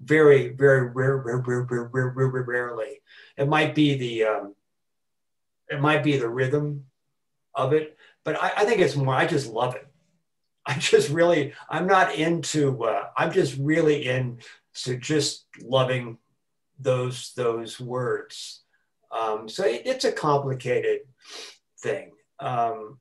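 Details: Adult man who has stuttered since about age four, with repetitions, fillers and blocks: stuttering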